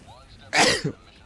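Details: One sharp, explosive sneeze with a short trailing voiced sound, against faint Helldivers 2 game audio.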